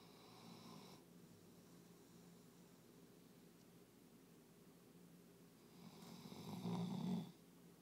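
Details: Soft, low rumbling breaths with one louder snore near the end over quiet room noise from a dog exhausted after a day of obedience competition; snoring.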